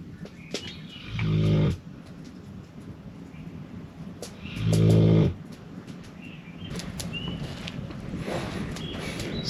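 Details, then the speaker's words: A dog lying on a bed in a camping trailer snores; she is said to snore fairly often. "c'est Daisy qui ronfle. Elle est couchée sur le lit, puis c'est une chienne qui ronfle assez souvent."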